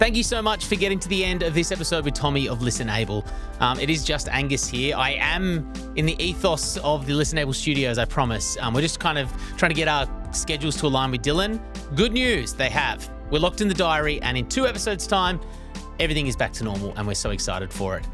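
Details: Adult male speaker; normal speech.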